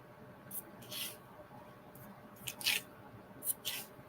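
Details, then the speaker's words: Adult using a nasal spray for sudden stuffiness: several short hissing spray bursts with quick sniffs in a quiet room. "Hang on just a second, you guys. I've got to use my name. I got to use my nasal spray real quick."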